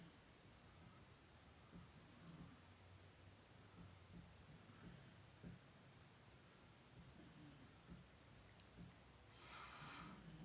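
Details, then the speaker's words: Dog, a female, snoring loudly while asleep in the background of a live stream; faint, low snorting and snoring against steady room noise. "y'all hear the dog snoring in the background? She's loud."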